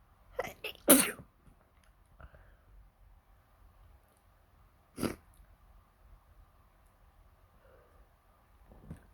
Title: What happened with my nose? #sneeze #sneezing